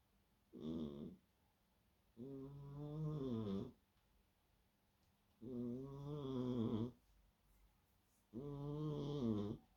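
Rhythmic buzzing snores on each breath, about four in ten seconds, from a sleeping cat.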